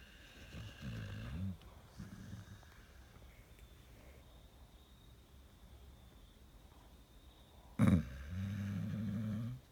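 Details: Sleeping Pit Bull whose owner describes sleep apnea and restless leg syndrome: low, fluttering snores with long quiet gaps and a sudden snort; snoring.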